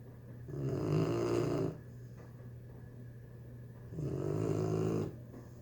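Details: 3-month-old female pitbull puppy sleeping in the bathroom after a hard day: two loud, rough, rumbling inspiratory snores with quiet breathing between; snoring.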